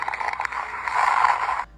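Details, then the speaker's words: Fine crackles: a brief burst of fine, crisp crackling over breath sounds, like hair rubbed between fingers, played as an example in a quick lung auscultation teaching guide. "los crépitos asemejan a un burbujeo casi siempre los escuchamos en las de los pulmones y son a causa de una apertura alveolar por congestión esto nos hace pensar en un edema pulmonar"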